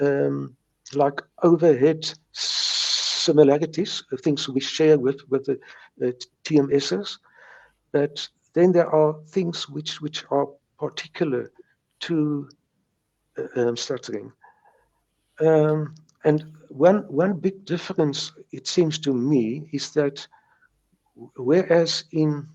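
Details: Stuttering since age three in a retired South African lawyer in his 70s who views stuttering as a mindbody disorder and still has mild speech blocks: stuttering.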